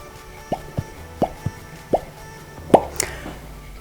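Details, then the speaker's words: Maderotherapy cup on the thigh in a cellulite-treatment training: about six short, soft pops in under four seconds as the cup is placed and lifted to create suction. "Voilà, vous entendez le petit POC. Le petit POC, c'est un appel d'air que l'on crée en posant la coupe et en la relevant d'une certaine manière que je vais vous expliquer pour créer cet appel d'air et faire ainsi remonter la circulation en stimulant le système sanguin."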